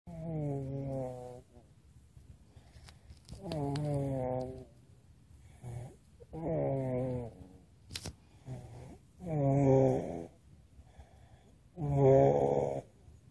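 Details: Snoring: regular voiced snores, about 22 a minute, each with a droning, slightly whiny tone, separated by quiet pauses.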